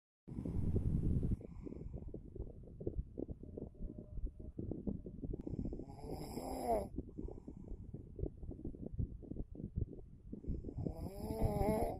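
Rough, rattling low breathing noise with two louder, tonal snorts on the breath; snoring.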